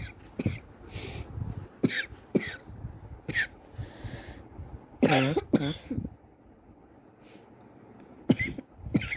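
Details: Several separate harsh coughs with pauses, including one longer hacking burst; persistent cough over several weeks, self-suspected bronchitis, sore from coughing, chest X-ray planned to check for pneumonia.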